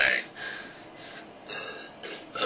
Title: The Pledge Of Allegiance (in burps)